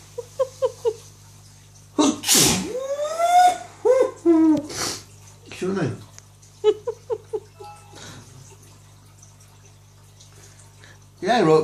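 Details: An adult man's dramatic sneezing fit, his usual on a Friday night: loud, forceful explosive bursts with vocal outcries and sharp breath intakes, repeated several times.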